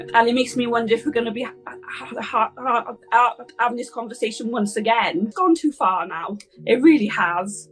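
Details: Stammer (stuttering) in a Welsh woman who has stammered her whole life, speaking in an interview clip.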